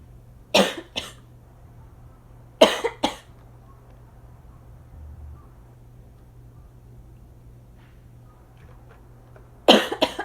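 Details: Person with asthma coughing, cough somewhat drier that day, during allergy season; background air-conditioner noise.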